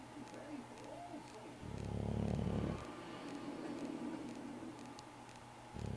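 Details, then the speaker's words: Snoring in a sleeping cat: one loud, low rumbling breath of about a second against quieter room sounds and faint background tones. "Mrs. Tinker's snoring."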